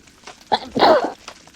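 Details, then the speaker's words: Acted custom sneeze scenario in a cave, speaker struggling to hold sneezes in: a short breath in, then an explosive voiced sneeze burst. "my nose oh God it's so strong I I can't stop I"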